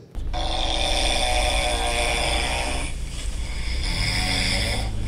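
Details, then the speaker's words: Snoring recorded at 3 a.m. from a bandmate sharing a room: loud, harsh, buzzing snore on both phases, a long rattling inward breath running straight into a noisy outward breath. "that is Inward and outward snoring at the same time I thought he was sucking the air out of the room"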